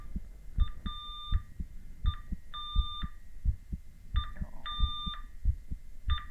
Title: Male heartbeat EKG ECG with heart sounds